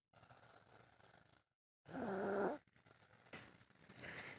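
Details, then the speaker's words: A young child taking his nap, snoring while asleep, recorded by his mother after she woke up. "तो जनाब finally जो है वो मैं सो के उठ गई हूँ और आप के जो है वो खर्राटे सुन सकते हैं। तो ज़रा सुनते हैं इनके खर्राटे।"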